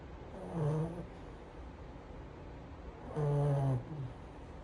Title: Snoring frenchie lol